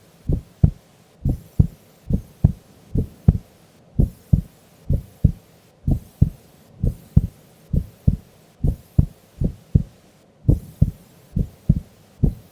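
Steady paired lub-dub beats, about 65 a minute, clear and regular: a normal resting heartbeat.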